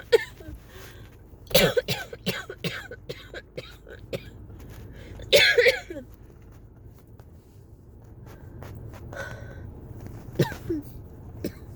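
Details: Repeated dry coughs and throat clearing in irregular bursts over room noise during a sudden attack of cough variant asthma; the persistent cough would not stop and left the person lightheaded.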